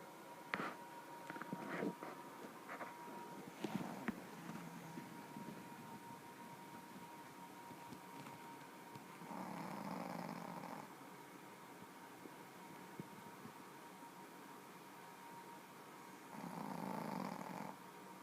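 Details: A sleeping female dog snoring: soft, rumbling snores roughly seven seconds apart over faint room noise and a steady hum.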